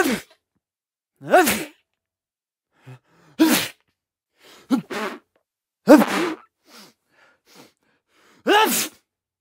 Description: In this Video you will find "Male Sneeze" Sound Effects.